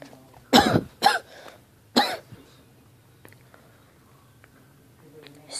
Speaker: hey guys it's me and I'm so sorry if my voice sounds awful um and my nose is sweating but I'm a kind of get it over a cold